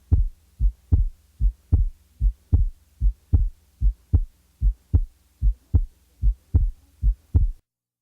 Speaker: the following example represents a normal individual with normal respiratory variation or physiological splitting of the second sound